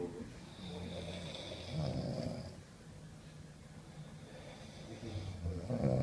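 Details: Low rumbling, rattling snores with irregular breathing noise in a quiet room; snoring.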